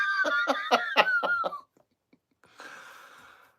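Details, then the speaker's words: Woman walking past with a walker, coughing, heard in the background of a live stream: a quick run of about six coughs, followed by quieter background noise. "That's a coughing wife going by with a walker. If you couldn't hear, giving the old cough-a-rooney."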